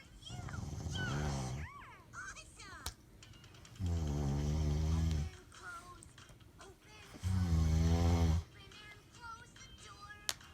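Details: A father snoring with deep, rumbling, rough snores just over a second each, while a young child plays nearby with playful voice and squeaky toy sounds between snores; ordinary snoring.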